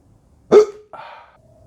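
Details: Simulated hiccup in a comedy sketch: a single abrupt, loud voiced gulp followed by a short vocal trail, a staged comedic hiccup.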